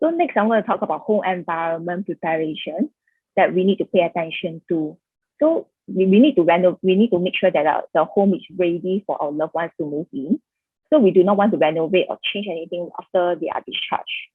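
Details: Adult woman speaking; normal speech.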